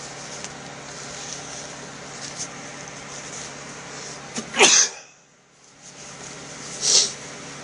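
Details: Two short, sharp, hissy sneezes from Pepper over steady room noise.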